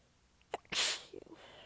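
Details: Single forceful sneeze, partly held back, after a brief indrawn breath, then faint catches of breath. Part of a massive sneezing fit; the person is exhausted with sore abs and stifling the sneezes. The fit was recorded across clips in changing positions.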